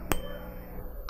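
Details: 512 Hz tuning fork struck at the patient's side for the Rinne hearing test during a head, eyes, ears, nose and throat assessment: a single sharp strike followed by a faint, steady ringing tone.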